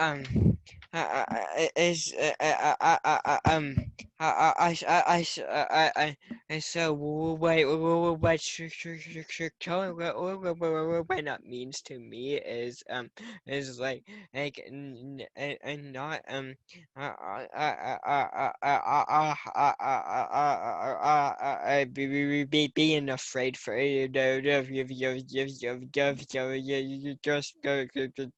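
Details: Young person who stutters, with broken repeated words; stuttering.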